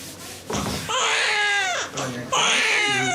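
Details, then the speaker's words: Newborn baby girl just after hospital birth: loud, high-pitched wailing cries with short breaths between, strong crying, with faint room sounds behind. "The cries of a newborn baby girl. Roger sees her first."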